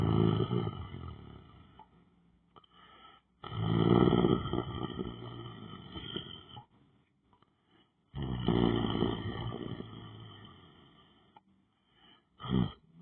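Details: Person lying on the floor, sleeping or meditating: loud, rough, rattling breaths in and out, with quiet pauses between them; heavy snoring.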